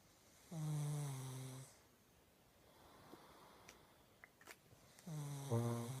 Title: Snoring pug lol